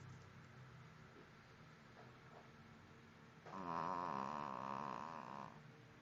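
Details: Dog snoring, recorded on a mobile phone: soft, low breathing noises, then a louder, fluttering, nasal snore lasting about two seconds. Snoring.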